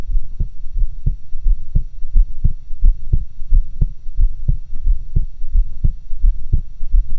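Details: Own heart sounds recorded through a stethoscope with a two-stethoscope stereo-style method: steady, regular lub-dub at about 85 beats a minute over a faint hum; normal heart sounds.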